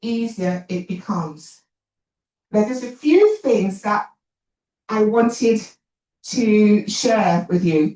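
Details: Adult woman, an actor and writer, who says she has a stammer and points it out while speaking; stuttering.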